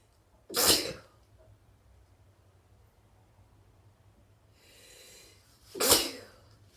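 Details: Person sitting, sneezing: two sharp, explosive sneezes several seconds apart, with a soft inhalation before the second.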